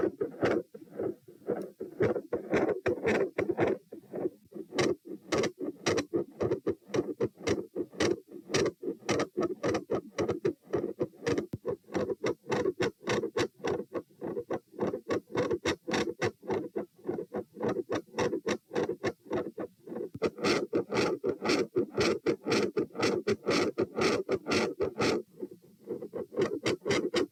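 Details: Heart sounds recorded at position P with the same subject standing: rapid, steady thumps with a sustained rushing sound filling the gaps, a continuous murmur; across recordings the murmur ranges from absent to all-encompassing.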